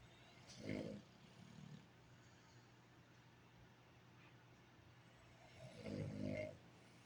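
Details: Sleeping subject, possibly a dog (dog-tagged recording), two rough rumbling snores a few seconds apart against steady background hiss; snoring.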